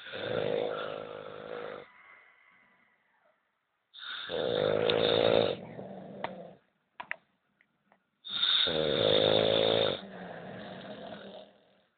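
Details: Loud, harsh rattling snores on each breath in from a sleeping man, with quieter breaths out; three cycles in 12 seconds, about 15 breaths a minute.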